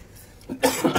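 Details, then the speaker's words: A cough from a person repairing a blocked LG refrigerator during the vacuuming process, who remarks on coughing again: cough. "itu batuk lagi."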